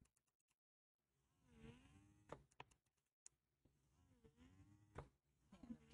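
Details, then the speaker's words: Quiet, rising whirring pulses about every three seconds with faint clicks: a Doopser 10 (8010) hands-free wearable breast pump running with its speed raised, cycling suction, apparently in expression mode. "it is very very quiet and i'll put it on a higher level let's see now if we can change the speed again see you can now change it"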